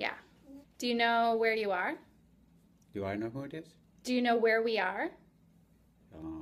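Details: Adult speaker, female voice; unaffected speaker.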